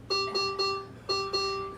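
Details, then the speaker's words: Repeating electronic tones in an irregular three-plus-two pattern from a Servo-i ventilator as simulated apnea occurs during setup, switching from pressure support/CPAP to backup ventilation; ventilator apnea alarm. "should my patient stop breathing we'll see what happens here go in APNIC and it's giving me the alarm notation ever go ahead and silence that alarm so we don't have to hear it"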